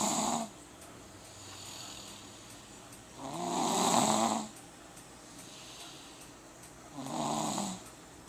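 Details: Rough, rattling snores from a man recur about every three to four seconds, roughly 17 a minute, with quiet breathing between, in a quiet room; ordinary snoring.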